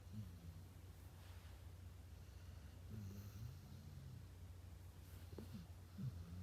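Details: Quiet, low snuffling snores from a sleeping dog, recurring roughly every three seconds over faint room hum; ordinary sleep snoring.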